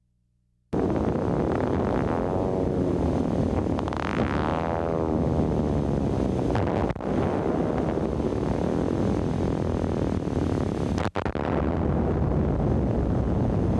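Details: Needle EMG sound of myotonic discharges, rising and falling in pitch and loudness like a dive bomber. This finding indicates myotonic syndrome until proven otherwise; it is also seen in acid maltase deficiency.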